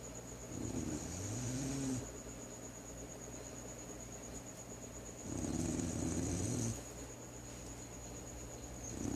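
Two low, rumbling snores a few seconds apart over steady background hum and a constant high whine.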